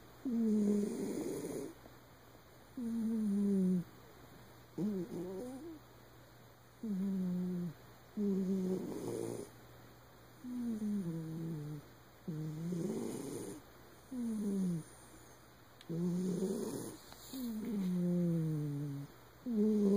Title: Winkle the cat, snoring